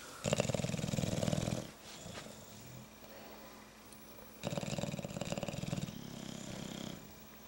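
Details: Snoring from bulldogs.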